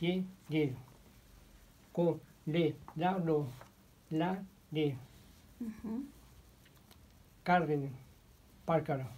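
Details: 61-year-old patient with nonfluent primary progressive aphasia, in therapy about two years (since July 2016); motor-predominant aphasia, apraxia, phonemic paraphasias, inhibition difficulties; connected speech during therapy. Nonfluent primary progressive aphasia.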